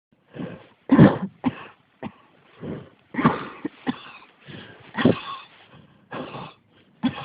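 Repeated coughs in quick succession, about a dozen bursts in seven seconds, with hardly a pause between them.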